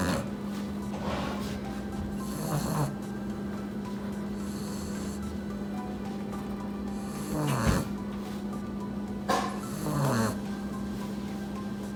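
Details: Puppy napping after hard play, snoring: soft rattling snores every four to five seconds over a steady hum of room noise.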